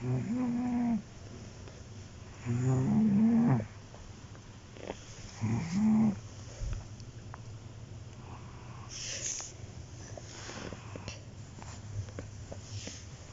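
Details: A resting cat snores in low, rattling bursts on each breath, with quiet pauses between them.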